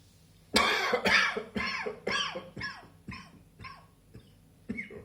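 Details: Spring afternoon: a run of about eight harsh coughs in quick succession, fading in strength, then one more cough; a coughing fit.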